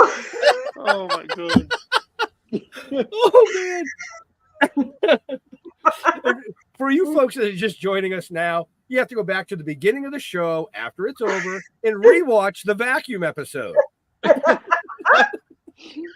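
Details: Adult speaker; ordinary speech.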